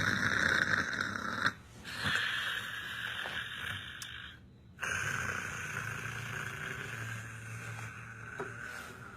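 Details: Snoring during sleep: rough, noisy breathing sounds rise and fall over several seconds, with a steady background hum.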